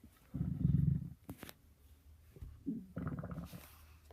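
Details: Stomach growling (borborygmi): low, deep gurgling rumbles in bursts with quiet gaps.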